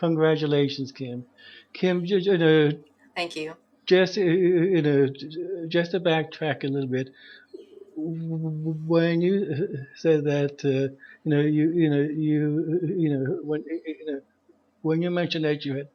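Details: Stuttering in an adult man who says he is a person who stutters, with repeated part-word repetitions ("a a a a").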